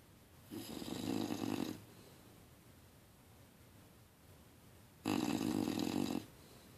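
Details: Bulldog in deep sleep, dreaming: two long, rough, buzzing snores about four seconds apart against quiet room noise; snoring.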